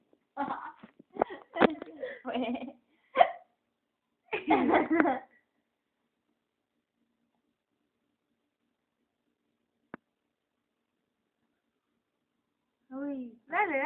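Short, abrupt voiced gulps come in bursts, then a long pause before more. These are hiccups.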